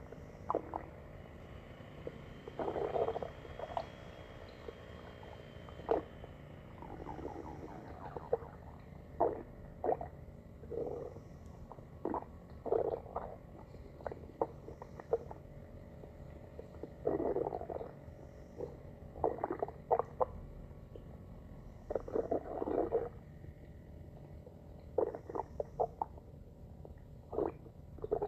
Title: stomach growling